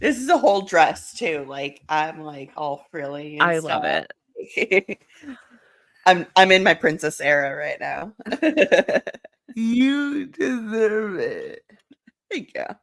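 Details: Young woman speaking, with a brief reply from a second person; normal speech.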